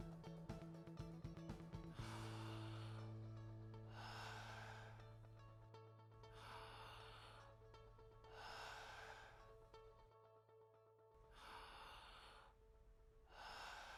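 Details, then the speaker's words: Adult male (born 1993) in a respiratory examination, stethoscope on the chest during deep mouth breaths at his own pace: normal vesicular breath sounds without crackles, wheeze or stridor. "normal vesicular breath sounds are heard without cripples wheezing or strider"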